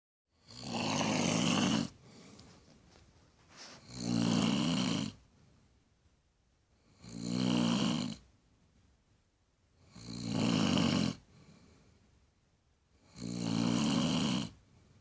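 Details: Adult woman (mother) snoring in bed, recorded on a phone: loud, rattling snores on each breath in, about 19 a minute, with quiet breathing out between; heavy snoring.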